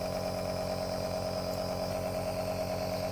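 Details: Nebulizer compressor running while a baby receives a nebulizer treatment through a baby mask: loud, steady mechanical buzz with fast pulsing hum.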